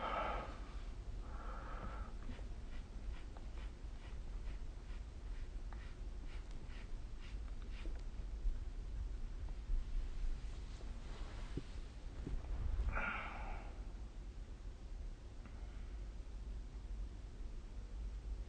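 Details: Snoring of a sleeping adult recorded with the SnoreLab app: quiet, low-pitched snorting breaths against steady low room hum.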